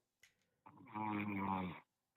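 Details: Man who fell asleep on a live call, about 4 a.m. his time; a single long, low, rattling-voiced inhaled snore of about a second, quiet room sound around it: snoring.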